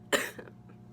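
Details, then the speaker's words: One short, sharp cough with a brief softer tail from an adult who has been sick for a long time, trying to get through the vlog without coughing; cough from ongoing illness. "I'm going to try and get through this video as much as possible without coughing."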